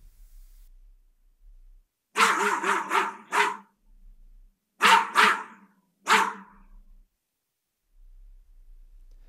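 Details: Simulated cochlear implant hearing of a barking dog, two years after processor activation, by a user with one functional ear: eight sharp barks in short bursts sounding thin, banded and unnatural yet recognizable.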